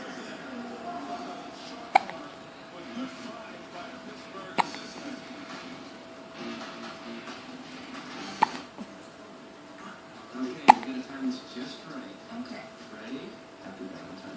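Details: Four sharp, abrupt hiccups about every two to three seconds over quiet background talk; a person with the hiccups.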